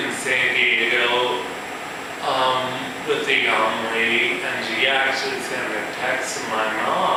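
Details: Man with ataxia, a progressive neurological disorder with cerebellar cell death affecting balance and speech, who says his speech has improved, giving a live talk; ataxic dysarthria.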